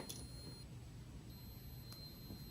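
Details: Faint, steady high electronic tones from an Airpex dental apex locator during root canal working-length measurement, over low room hum.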